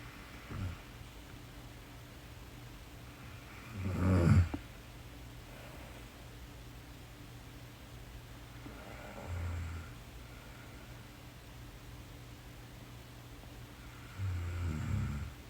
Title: Korean Girl Sleep Snoring (Part 2)